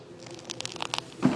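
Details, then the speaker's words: Knee crepitus in an athletic trainer's painful, aging knee during a leg exercise: a quick run of soft crackling, crunching clicks as the knee bends, attributed to worn cartilage on the joint surfaces. "That is crepitus. That is the joint surface being not as fresh with cartilage as it used to be."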